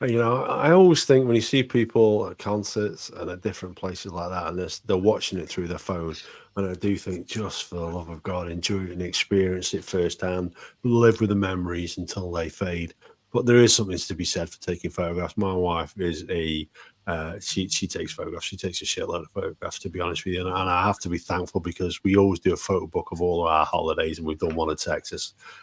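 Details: Adult male speaker; normal voice.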